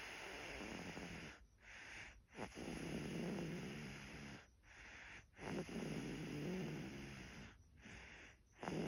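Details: Infant snoring softly, repeated rumbling breaths each followed by a brief quiet pause.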